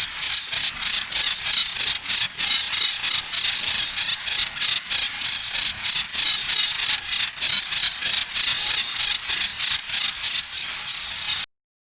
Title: powerful tinnitus sound, real tinnitus sound, natural tinnitus sound feel heare